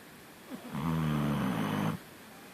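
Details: Single low, rumbling, buzzy snore lasting just over a second, apparently from a sleeping animal.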